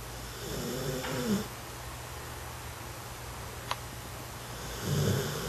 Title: A Snoring Puppy